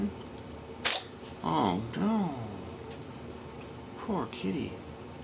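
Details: 13.5-week-old male kitten, who also had a cough: one sharp, explosive sneeze, then a louder drawn-out 'ahh' and four short 'ahhs' rising in pitch before the last sneeze. Sneezing with pre-sneeze vocalizations.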